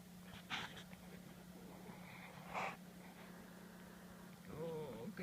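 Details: Miniature dachshund, small dog diagnosed by vet with bronchitis: harsh snorting cough bursts and wheezing over a steady background hum; later recovered with antibiotics and cough medicine.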